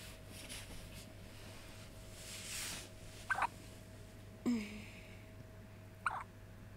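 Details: Infant hiccups: three small, abrupt hiccups a couple of seconds apart over steady room hum; baby moving whole body.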